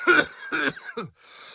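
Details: Sound-effect recording of a person coughing: two harsh, dry cough bursts and a shorter third, ending in a brief throat-clearing tail.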